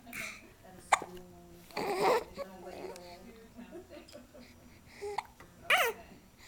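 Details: 2-month-old infant swinging, cooing with a few sharp, abrupt catch sounds between vocalizations: hiccups.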